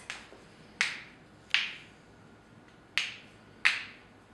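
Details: Five sharp, brief pops at irregular intervals from a woman cracking her knuckles; harmless joint cracking.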